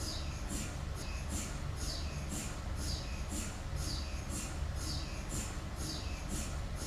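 Rhythmic, evenly spaced knocking pulses, about two a second, over a steady low hum, typical of an MRI scanner running a sequence.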